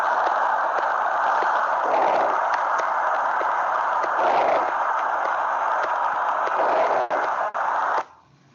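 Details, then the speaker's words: Harsh, hollow, blowing tubular breath sound over a steady hiss, like air leaving a tube, lower intensity than normal breath sounds; bronchial breathing indicating atelectasis or areas about to collapse, played in a class. "Por otra parte están los soplos tubáricos. Algunos los pondrían a confundir como ruidos respiratorios normales, ya que así se escuchan, pero su intensidad es más baja que los normales. Pareciera aire saliendo de un tubo y nos indica zonas con atelectasia o próximas a presentar atelectasia."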